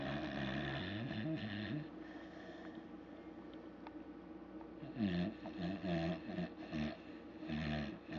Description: my best friend in the world pnut sleeping and snoring pretty loud for a dog lol